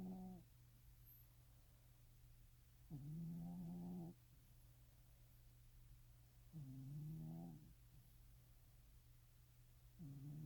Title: some snores